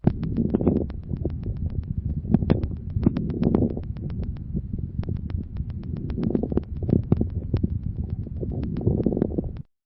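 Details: Teaching lung-sound recording: many brief crackling pops clustered mid-inspiration, sparing its start and end, mid-inspiratory crackles attributed to bronchial secretions, variable from cycle to cycle and often with a few expiratory crackles.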